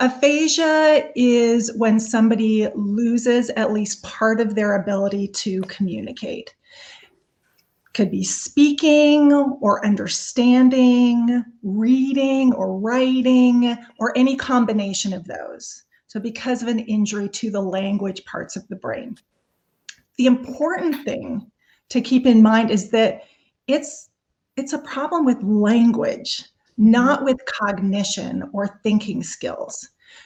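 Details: Adult woman speaking; normal speech.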